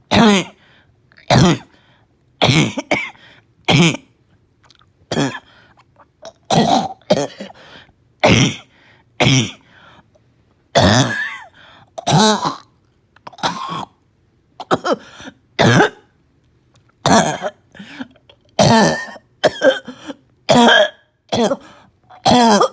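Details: Child with a barking cough, slight fever, gagging and vomiting: repeated harsh, hoarse coughing bursts suggesting upper airway irritation.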